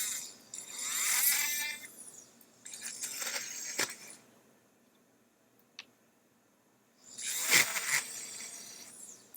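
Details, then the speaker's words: Small round bur drilling a vent hole in an overdenture before intraoral direct pickup of an implant locator: bursts of high-pitched drilling and grinding with pauses; dental bur drilling. "Now I'm gonna make a small hole, vent hole, to allow the excess material to go out. So I'm gonna make a hole here."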